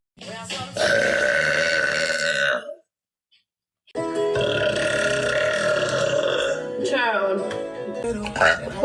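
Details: Two long, loud, drawn-out belches from a woman with a brief pause between them, the second stretching for several seconds; faint music in the background.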